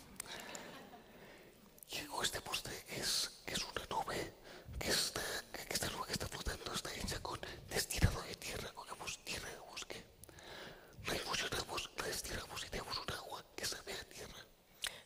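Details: Adult man with the neurological disease dystonia, which in his case causes uncontrollable neck movements and can affect other body parts; real speech, whispered without voice tone: whispered speech (aphonia) due to dystonia.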